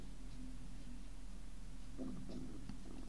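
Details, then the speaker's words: Woman nearing her 60th birthday with audible stomach rumbling (borborygmi) while talking: low, irregular gurgling rumbles, with faint room noise. "I'm very sorry if you can hear that that's my stomach rumbling"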